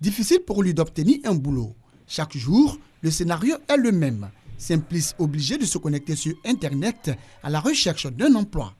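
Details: Adult narrator; fluent speech.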